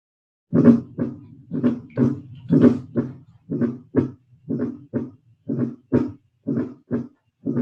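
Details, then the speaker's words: Fourth heart sound: regular paired heart thumps near 60 a minute with an extra low sound before the first sound, played for contrast with a third heart sound. "Só para vocês verem a diferença dos dois. Ó, o terceiro, ó. terceiro. Olha o quarto, como que é diferente agora."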